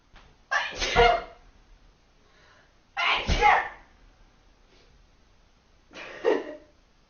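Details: Sneezing: three forceful sneezes a few seconds apart in a quiet room.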